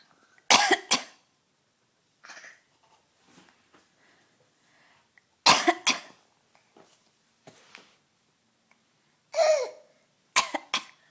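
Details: Young child deliberately imitating coughing: several short cough sounds in bursts with quiet gaps, playful rather than an illness cough.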